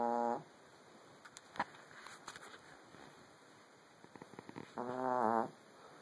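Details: A Chug dog (pug-chihuahua mix) snoring loudly while asleep: two buzzy, whistling snores about five seconds apart, with faint snuffling between and a steady background hum.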